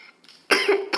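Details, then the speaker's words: Adult with a cough lasting over two months after a flu. It is worse after bathing in the cold and after oily food, with a very itchy throat. One short, fairly dry cough burst, then another starting: chronic cough. "jadi aku tuh dah batuk2 bulan lebih dan batuk itu Hai arahnya kalau habis mandi kan dingin terus makan yang berminyak minyak tuh gatal banget lehernya gasnya"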